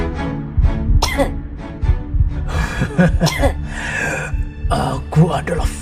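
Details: A few short, harsh cough bursts over steady background music, from a cough and sneeze etiquette clip set during the Covid-19 pandemic.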